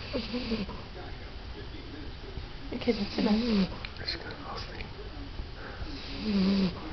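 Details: A 14-year-old French Bulldog falls asleep and snores. The rattling, snorting snores have whistling tones on the breaths. Snoring.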